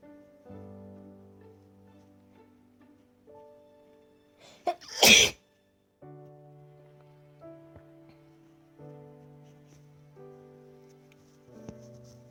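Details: Person's first sneeze in a sneezing challenge, induced by tissue inserted into the nose: one abrupt, forceful sneeze over soft background string music.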